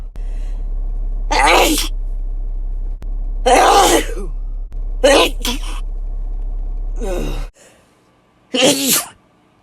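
Five forceful sneezes, some with a voiced 'ah' lead-in, over a constant low electrical hum that stops near the end.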